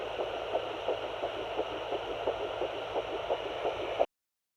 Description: I found baby's heartbeat at 8 weeks 2 days! I was in shock that I found it so early, but very excited :) I used my sonoline B fetal doppler.